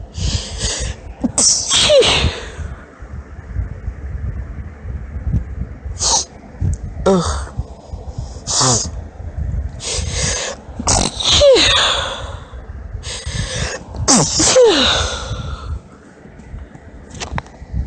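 Series of high-pitched sneezes, several preceded by catching, hitching inhalations, in a quiet room.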